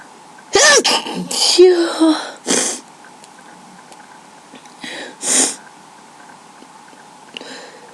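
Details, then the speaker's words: A random sneezing fit recorded on webcam with no allergies present, nose tickling: a run of several forceful sneezes with gasping intakes and voiced sounds between them, powerful enough to cause dizziness. "I just haven't really had time, but I felt this random sneezing fit coming along, so I decided to record it. My nose just tickles a lot, so so I'm sneezing."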